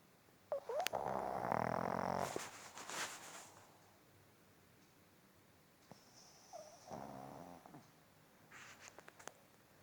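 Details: Pug, tagged as a puppy, snoring: two loud rattling, snorting breaths separated by quiet pauses, with faint snuffles between them.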